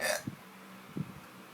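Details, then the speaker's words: Hiccups at home after a night out drinking, while chatting before sleep: two short, abrupt throaty hiccups about a second apart after brief speech, wishing they would stop. "I don't want a hiccup anymore. I don't want to do this anymore."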